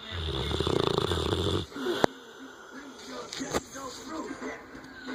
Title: English Mastiff snoring